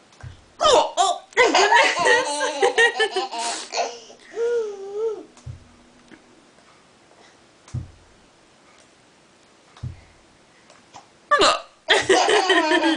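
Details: Short, sharp hiccup bursts scattered between laughter and babbling, from two people who both have the hiccups; hiccups.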